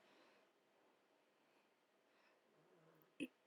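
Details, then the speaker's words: A dog snoring in the background: soft, snuffly breathing noises in a quiet room, ending in a brief sharp snort. "sorry if you can hear my dog snoring in the background"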